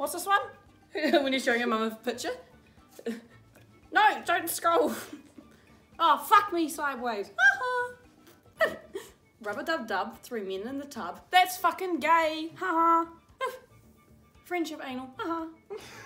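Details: Teenager with Tourette syndrome reading aloud, interrupted by involuntary vocal tics including swearing and inserted words and phrases.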